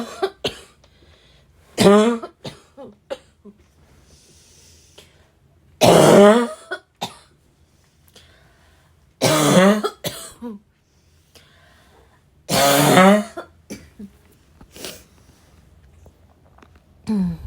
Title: REAL raspy cough